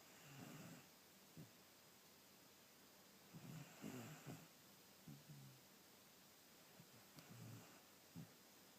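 Soft, rough, fluttering breathing noises recur every few seconds with short snorts in a quiet room: snoring.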